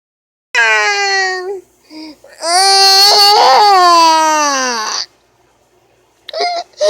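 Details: High-pitched infant wails in bursts, one long cry falling in pitch, then a brief whimper; ordinary baby crying.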